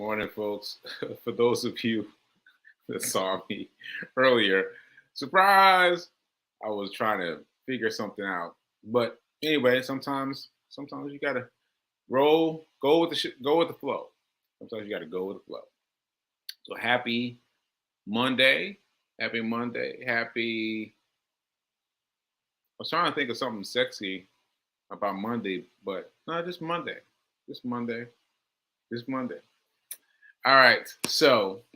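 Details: Man with aphasia, a language disorder affecting his ability to communicate, about six months into recovery since onset in July; finding: aphasia.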